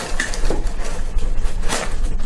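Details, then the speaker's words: A brief, sharp pop from a young woman's neck during chiropractic manipulation as she lets her head relax and drop: joint cavitation, a harmless release of gas in the joint. "good that pop right yes let get to the other side relax your head just drop it good good"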